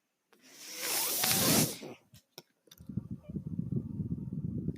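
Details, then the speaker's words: Mechanical ventilator sounds from an adult man's ventilator while he records a podcast: a long hissing rush of air, sharp valve clicks, then a low mechanical hum with a faint steady tone. "Hello, everyone. That noise you're hearing is my ventilator."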